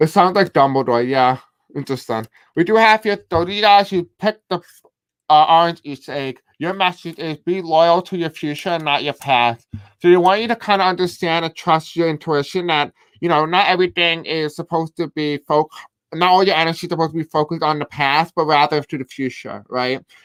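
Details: Male speaker who self-reports a deaf accent and difficulty pronouncing certain words; deaf speech (deaf accent).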